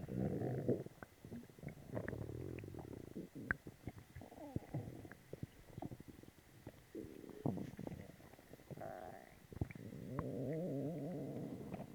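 Long gurgling, bubbling rumbles with squeaky pops, on and off throughout: loud, active bowel sounds after taking a laxative.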